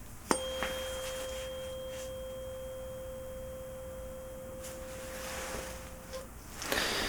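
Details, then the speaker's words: A tap, then a clear steady pure tone ringing about six seconds and fading: a tuning fork struck and placed on the forehead for a Weber hearing test, where the sound should be heard evenly, in a simulated role-play exam. "So the idea is, I'm going to be placing this on the forehead. The idea is you should hear the sound evenly"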